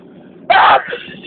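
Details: First spring allergy sneezing attack of the year: a single loud, sharp sneeze with a brief trailing breath.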